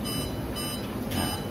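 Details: Short repeated electronic beeps over a steady low device hum from a Medin CPAP heated humidifier as its temperature setting is adjusted with the arrow buttons; maximum patient temperature for non-invasive use is 34 °C.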